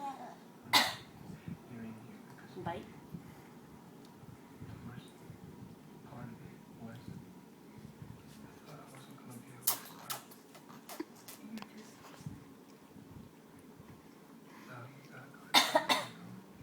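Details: Toddler deliberately imitating her mother's cough: a few brief, sharp cough-like bursts, voluntary fake coughing rather than illness, before sucking her big toe.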